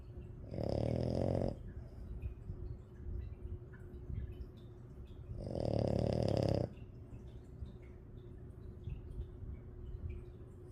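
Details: Loud, raspy snores from a sleeping French bulldog who sleeps with her eyes open: two long breaths about five seconds apart over a steady room hum.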